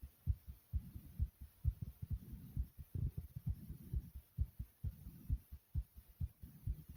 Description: listen to the thumping sound of my heartbeat